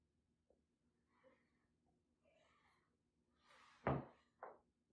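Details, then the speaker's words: Percussion of a female patient's back during a respiratory assessment: soft taps, then two louder hollow thuds, giving a resonant percussion note, the normal finding over healthy lung. "I'm going to go ahead and start percussing on the back of here, and I'm going to note any resonance that I hear."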